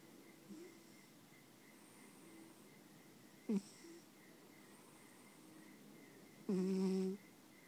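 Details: Quiet room with soft breathing sounds about every three seconds, two ending in a brief tonal, whistling snore: ordinary snoring.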